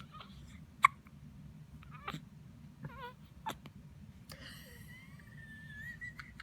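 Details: Several brief, sharp hiccup sounds at irregular intervals against low room noise, with faint vocal sounds between, from a newborn boy about one week old; hiccups.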